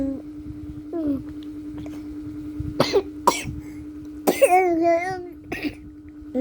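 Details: Small child still coughing while unwell and taking medicine: several short coughs mixed with brief vocal sounds and a steady background hum.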